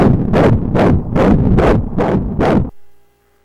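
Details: Fetal heartbeat on Doppler ultrasound at the third scan, 13 weeks 3 days of pregnancy, baby measuring 7 cm and seen moving: loud rhythmic whooshing thumps about 150 a minute, then silence.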